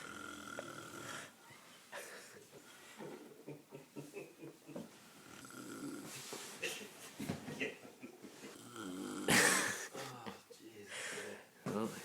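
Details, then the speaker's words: Male sleeper, half on his bed and snoring as every night, gives irregular snorting, rattling breaths with one sharp noisy burst midway, indoors: snoring. "snoring, as he does every night."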